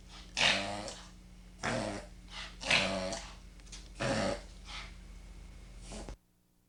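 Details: Dog reverse sneezing episode: repeated loud, harsh, snorting inhalations.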